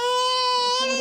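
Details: Young girl crying during a GP's examination of her throat: a sustained, high-pitched, tonal cry rising at the end. She has a cough and is chesty, with phlegm heard on coughing; the GP considers antibiotics.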